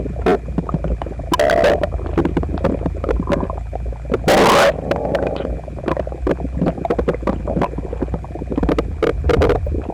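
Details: Man's stomach after a breakfast of toast, eggs and milk, visibly uncomfortable, stomach upset the previous night; phone pressed against the belly records loud gurgling, rumbling, squelching and long growls: active borborygmi.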